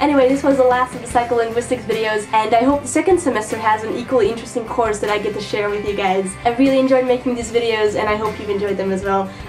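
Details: Adult female speaker; Normal speech.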